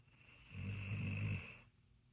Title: Snores like a man :)